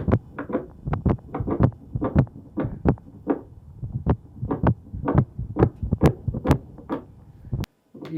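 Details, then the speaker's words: Young Irish setter puppy with reverse (right-to-left shunting) patent ductus arteriosus due to pulmonary hypertension: a quick, steady heartbeat with a clear S1 and a split, blurred second heart sound. "phonoc cardiogram here, you can see very clearly the S1 and then the split S2. So this is actually uh a puppy um a young um Irish setter with um a reverse PDA."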